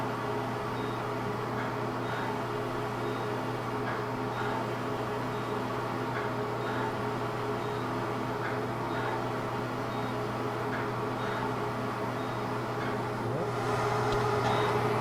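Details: Fractional CO2 dot therapy laser resurfacing of an adult woman's neck under local anesthesia, patient reporting it hurts: steady machine hum with faint, rapid, repeated ticking of laser pulses.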